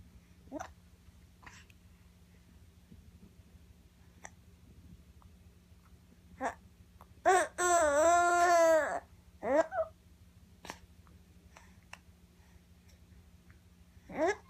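About eight short, sharp hiccup sounds at uneven intervals in a quiet room, with one brief babbling cry midway.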